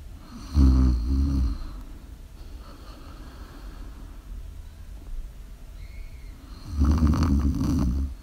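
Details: Two loud, low, rattling snores on inhalation about six seconds apart, with quiet breathing between them, from a sleeper in a small quiet room; ordinary snoring.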